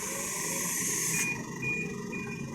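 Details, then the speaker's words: Steady high airy hiss, then a thin sustained whine as the air compressor of a Newport e360T ventilator is switched on during pre-use setup and calibration; the compressor pressure should be 40–60. Ventilator air compressor running. "setelah ini semua terpasang kita Nyalakan Hai uh kompresornya dulu yang kita Nyalakan ya ini Nyalakan kompresor semua on offnya ada di belakang"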